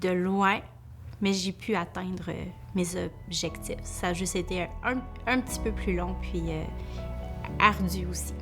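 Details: Adult woman, a family law lawyer, who stutters; stuttering.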